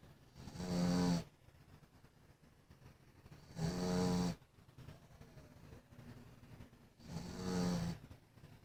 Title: Max, the snoring dog